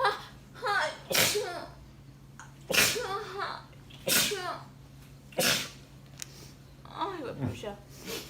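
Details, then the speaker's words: Repeated sneezing in a person sick all week who can't stop sneezing: several sharp, explosive sneezes separated by brief pauses and short remarks in a small room. "My God, I'm still sneezing. It's past. No. Yes. And then when I have literally been sick all week. I just can't stop sneezing."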